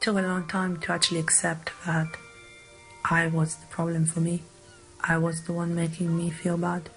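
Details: Woman with foreign accent syndrome that began three and a half years ago after hospitalisation with a migraine, attributed to small brain changes affecting speech output; accent said to sound Chinese; months of speech therapy.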